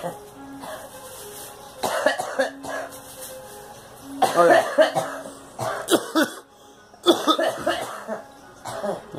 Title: Girl coughing